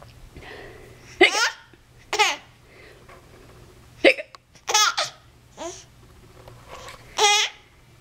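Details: Infant girl with hiccups, finding them funny: short, sharp high-pitched bursts every second or so, mixed with giggling and quiet household noise.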